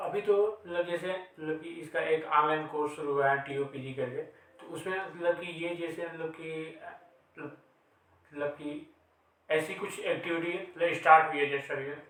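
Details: Man who stammers, takes part in stammering self-help activities and an online course, speaking Hindi in a real conversation; stuttering.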